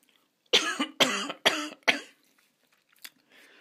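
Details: Royalty-free cough sound effect.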